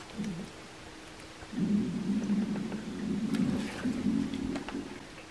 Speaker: it's my stomach. I haven't eaten breakfast yet. It's okay. Sorry, it's my stomach.